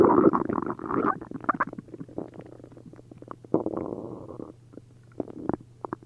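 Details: Upset-stomach borborygmi after drinking a liter of milk and a liter of prune juice: loud, bubbling, fluid-filled bowel gurgles with long rumbling runs and sharp pops.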